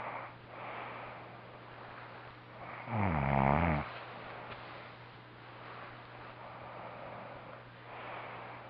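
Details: Adult male friend asleep: a single deep, rumbling snore amid quiet breathing and a steady background hum; snoring during sleep.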